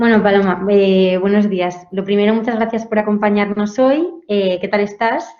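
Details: Adult female speaker; normal speech.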